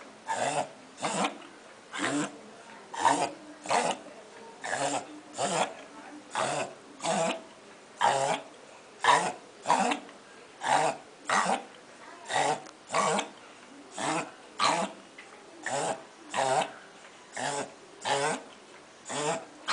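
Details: Dachshund coughing: a long run of about 30 regular, harsh, hacking coughs from a small dog, repeated roughly every half second to second.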